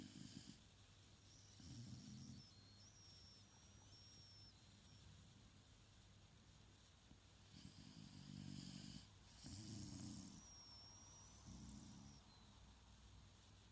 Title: Chilling and snoring on a Sunday morning.